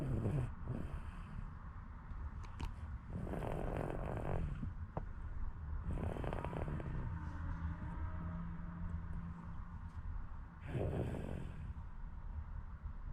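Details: Snoring in a sleeping baby, dead tired from playing: four rough, rumbling breath noises spaced a few seconds apart over low steady background noise.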